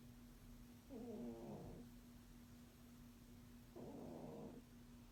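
Two rattly, buzzing snores a few seconds apart over a steady faint hum. Cat snoring during sleep.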